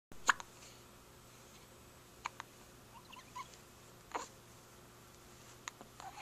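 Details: Four or five sharp, brief hiccup clicks about every one to two seconds in a quiet room from a sleeping person, recorded with a Flip Video camcorder; hiccups during sleep.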